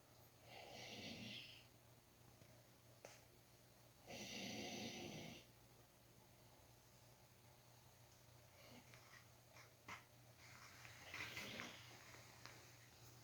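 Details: Tired, sleeping subject snoring: two long hissing, rumbling breath sounds, then quieter irregular breathing noises.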